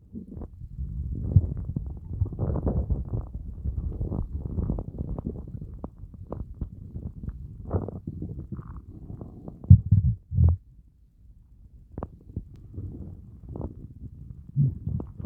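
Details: Hunger stomach growling after fasting for over 30 hours: low gurgling rumbles and groans in irregular bursts, with a few louder squelching growls, a normal sound.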